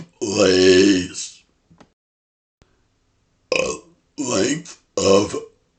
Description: I was asked in a comment to burp 'face', so I made a rhyme for it! :)